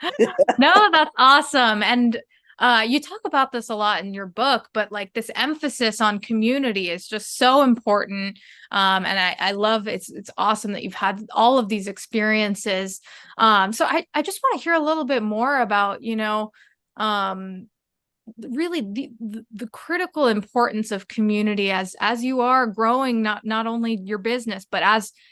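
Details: Adult woman speaking; normal speech.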